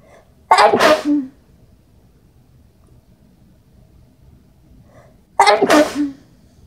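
Two forceful sneezes about five seconds apart, each with a brief in-breath before the burst, in a quiet room.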